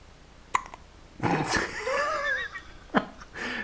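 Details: A baby girl hiccups: two sharp hiccups about two and a half seconds apart, with a soft whining sound between them.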